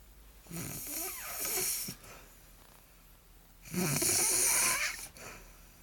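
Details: Girlfriend snoring during a nap: two loud, rattling snores on breathing in, with quieter breathing between them.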